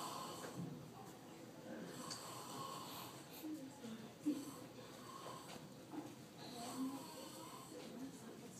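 Soft, irregular snuffling snores from a sleeping child, with faint room noise. Light snoring.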